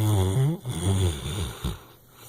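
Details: An English Chocolate Labrador snoring "like a horse" right in the owner's ear: a loud, deep, rattling snore on the in-breath, then a snort and a quieter breath out.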